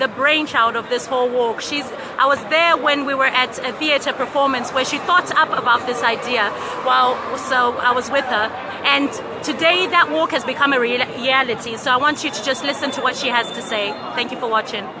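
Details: Adult woman speaking; normal voice.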